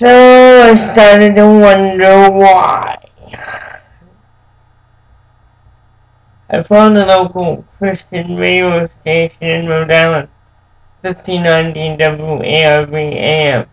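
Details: Dysarthric speech in an adult man with cerebral palsy since birth, who says it makes him move and speak differently.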